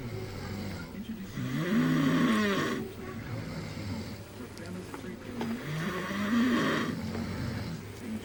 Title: Snoring Couple